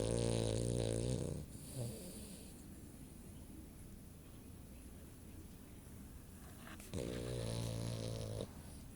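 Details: Sammy, a female dog, snoring with her eyes open while asleep: two long, loud, buzzing snores a few seconds apart with quiet breathing between.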